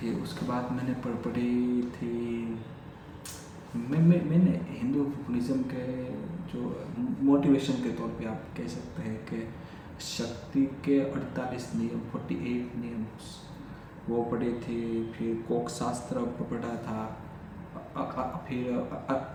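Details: Adult male who has stammered since childhood, doing daily stammering practice (breathing, tongue twisters), speaking spontaneously in Hindi with repetitions of words and phrases; stuttering.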